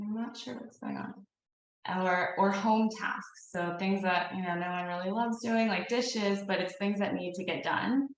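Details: Adult woman speaking; Normal adult speech.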